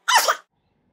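A single brief, sharp burst of breath, a sneeze in someone with a cold.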